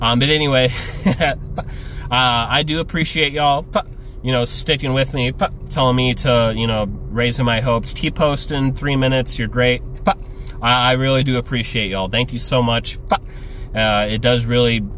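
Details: Adult male with Tourette syndrome speaking casually, with involuntary noises and utterances during his speech: vocal tics (Tourette syndrome).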